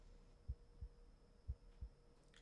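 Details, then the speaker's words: Normal heart sounds played on a stethoscope auscultation speaker for teaching: regular lub-dub near 60 a minute, sound 1 clearly louder than sound 2, unlike the base recording. "this time sound 1 is bigger than sound 2."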